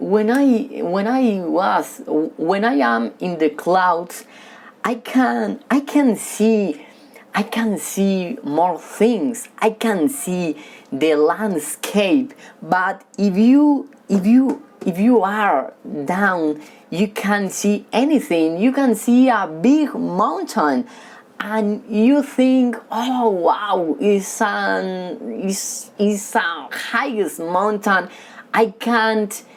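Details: Male who has stuttered since childhood, stutters when talking with people but reads fluently alone; stuttering.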